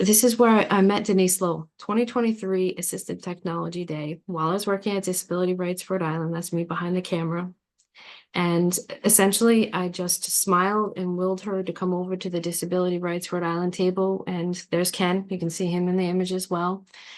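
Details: Adult woman speaking; ordinary speech.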